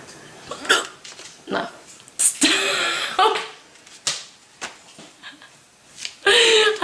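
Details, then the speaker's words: Young woman with persistent hiccups: abrupt, loud, voiced hiccups recurring every second or so, mixed with breathy noise, laughter and talk. "oh they're still there dude you don't like my hiccups they have a funny noise"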